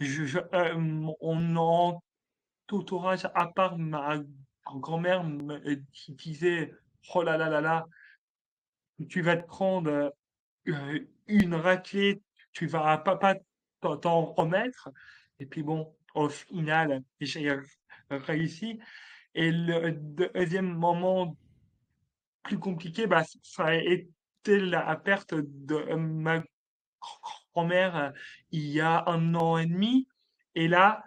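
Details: Adult man, a French-speaking comedian, who has stuttered since childhood; stuttering.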